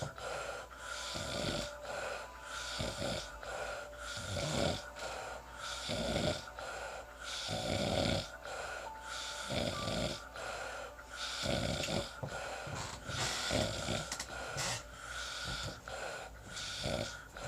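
Rough, rattling snore noises recur roughly every second and a half over a faint steady background tone; ordinary snoring.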